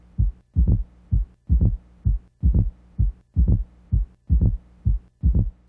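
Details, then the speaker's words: S4 gallop in heart failure with a stiff, less compliant left ventricle: forceful atrial contraction gives a low-frequency extra sound just before S1, in a steady low-pitched rhythm near 65 per minute. "This forceful atrial contraction creates a low-frequency vibration, called S4, an extra heart sound heard immediately before S1."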